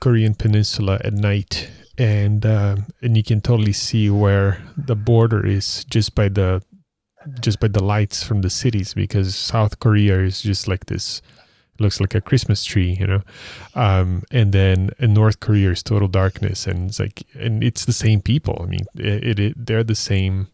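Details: Adult man, conversational speech; typical voice.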